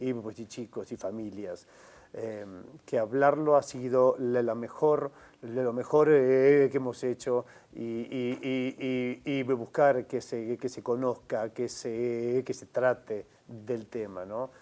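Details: Stuttering in an adult man who is a member of a mutual help group for adults who stutter and sought to work on his stuttering again as an adult.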